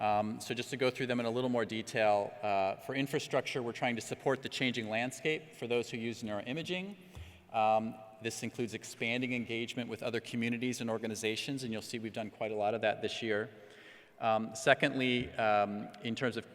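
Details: Adult man speaking; ordinary speech.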